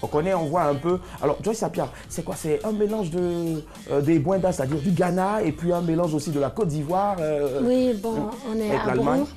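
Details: Adult speakers in conversation, French; Normal conversational speech.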